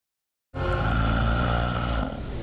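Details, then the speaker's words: Human snoring in a TV news report on snoring diagnosis and treatment, which links snoring to acute choking episodes, heart attack, stroke and sudden death. "с этим жутким звуком знакомо большинство жителей планеты храп способен довести людей до нервного срыва"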